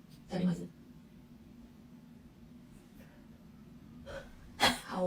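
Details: Woman sneezing during a Covid rapid-test nasal swab self-test: a brief vocal burst, then a sharp, forceful sneeze in a quiet room with low hum.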